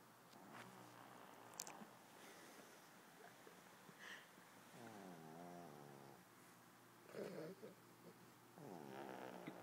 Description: This is out Pug puppy having a sleep after a big day.